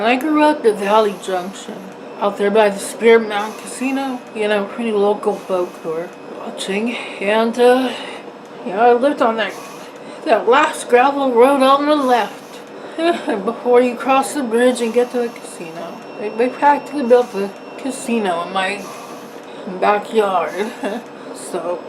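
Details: Dysarthria with slurred, breathless speech in an adult woman with facioscapulohumeral muscular dystrophy, on a ventilator via tracheostomy, whose mouth barely works.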